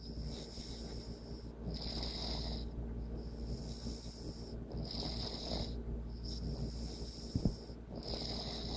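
Rough low snoring noise with steady room hum; breathing-linked rattles recur every few seconds, typical of ordinary snoring.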